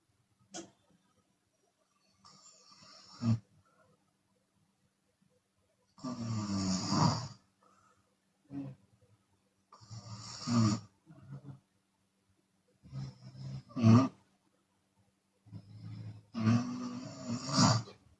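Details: Chinese woman snoring with her mouth open during sleep: loud, irregular, rattling snores about 16 a minute with occasional audible exhalations; open-mouth snoring.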